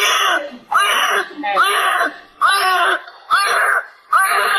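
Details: Newborn girl, 3,140 g, crying right after caesarean delivery: repeated strong cries about one burst a second with brief gasping pauses; newborn cry.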